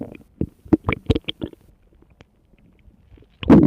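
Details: Rapid bubbling, gurgling pops and a low rumbling surge at the end from a tummy recorded over about 2 minutes 45 seconds; stomach rumbling.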